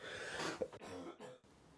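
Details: Adult with a cold coughing in an ASMR recording: a few soft, throaty coughs, like clearing the throat.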